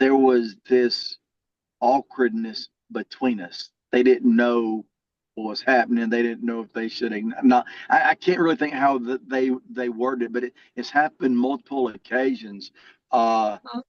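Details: Adult man with a lifelong stutter that varies and was more severe in childhood; stuttering.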